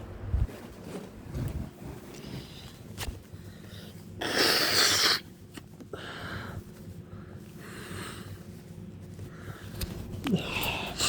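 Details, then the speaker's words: Sneezing and sniffing after a workout outdoors in spring, with plant pollen suspected and an itchy nose: noisy breathing with sniffs, one loud hissing sneeze, then snorting sniffs and rough nasal breaths. "And I think it's affecting me more. My nose is itching because breathing heavy because I just got done working out. I need tissue."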